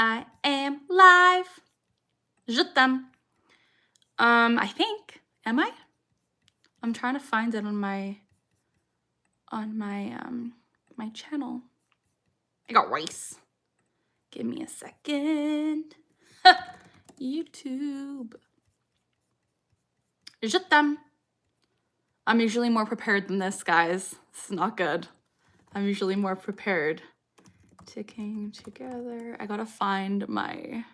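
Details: Woman, 26, with Tourette syndrome diagnosed at 12, tics since about age 3 or 4, producing her frequent involuntary phrase tic "I got rice"; she tics more when discussing Tourette's; vocal tics (Tourette syndrome).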